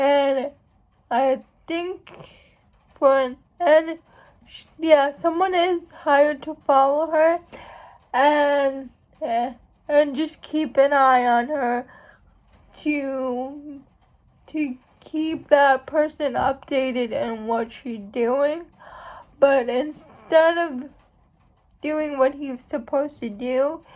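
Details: Adult woman who states she has cerebral palsy, real condition; dysarthria (cerebral palsy).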